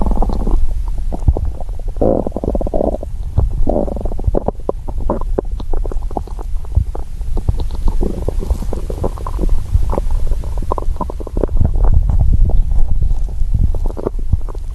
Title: Stomach growl (hungry)